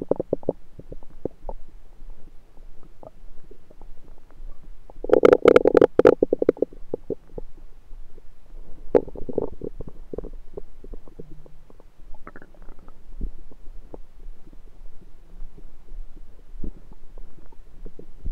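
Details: Abdomen recorded with a USB stethoscope: gurgling, bubbling sounds with a louder rumbling burst midway; ordinary stomach rumbling, normal bowel sounds.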